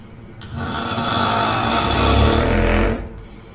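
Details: Simulated combined snoring of a man and a woman, recorded to sound as if they slept together: one very loud, long, rough rattling snore lasting about 2.5 seconds; heavy snoring.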